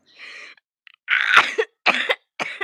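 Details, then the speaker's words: Violent coughing fit: four harsh, forceful, raspy coughs in a close run. "I almost threw up I think I'm choking it's fine I did something illegal before Miss preppy um don't be violent with your coughs"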